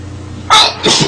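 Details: A woman sneezes twice in quick succession, the first a sharp explosive burst and the second softer, over quiet room noise; she says she sneezes multiple times; ordinary sneezing.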